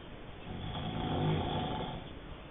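A single low, rattling, rough breath sound rising and fading; snoring.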